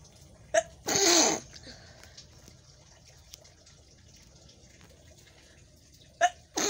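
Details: Single sharp sneeze with short lead-in breath, then quiet room noise and faint sniffs, recorded early morning during a nose-blowing request challenge; an ordinary sneeze.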